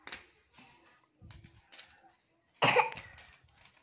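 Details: A string of about five short, dry coughs in a quiet room, the last loudest; a child's cough, during a traditional massage video for a coughing child.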